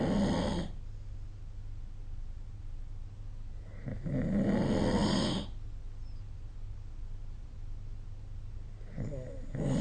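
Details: Rough snores recurring about every four seconds, roughly 14 breaths a minute, with steady room hiss between; snoring during sleep, recorded with a smartphone snoring app.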